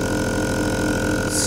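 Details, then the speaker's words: Suction pump for newborns running with patient tubing blocked while pressure is set to the safe range of −60 to −100: loud steady motor drone with a constant hum. "I'm within the range of negative 60 to negative 100 so this is the suction pressure which we can use for a newborn infant"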